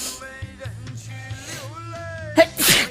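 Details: Young Chinese woman with allergic sneezing; she says rhinitis started suddenly this year: a sharp catching breath, then a forceful wet sneeze over loud music.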